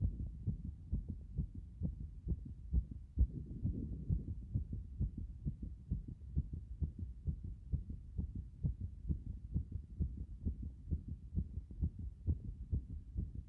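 Fast, strong, regular low thumps, about 130 a minute; a pounding heartbeat after a hot bath.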